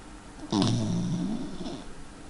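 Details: Single low, rumbling snore with a slight hiss from a sleeping female pet dog; snoring.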